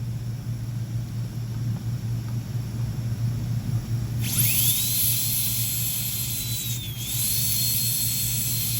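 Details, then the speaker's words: Low room hum, then a high-pitched dental handpiece whine starts, rises to a steady pitch, dips briefly and resumes: completing de-roofing of a primary molar during pulpotomy. "You can also use a safe end burr in order to prevent the perforation and complete your de-roofing."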